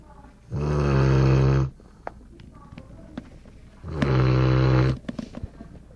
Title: Golden Retriever Snoring